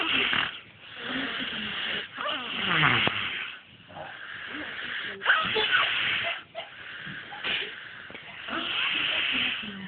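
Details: Young girl, a child, snoring in sleep: rough, noisy breathing in uneven cycles, about 20 a minute, with some whistling tone; snoring.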